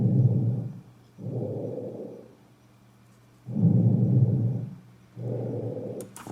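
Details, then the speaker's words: Lung auscultation teaching recording, front and back of chest: soft, low rustling breaths about 17 a minute, heard on inspiration and expiration, expiration about twice as long; normal vesicular breath sounds. "слышно при вдох и при выдохе причём выдох последний значительно длиннее чем вдоха выдох два раза длиннее вдоха"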